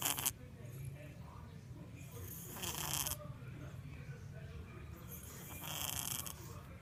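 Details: Snoring in a sleeping cat: soft rhythmic breathing with a raspy snoring quality on some breaths, about 20 a minute.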